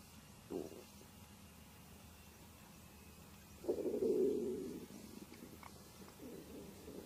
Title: real stomach noises